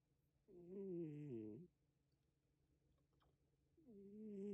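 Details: Loud, tonal, whistling snores from a sleeping male pet, each about a second long with quiet pauses between; snoring.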